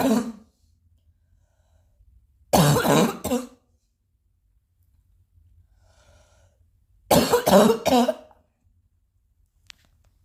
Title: still coughing a little